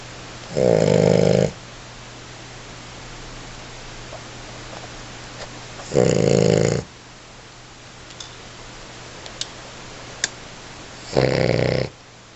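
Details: American Bully Pitbull puppy, male, snoring very hard while asleep: three loud, rasping snores about five seconds apart in a quiet room. Snoring.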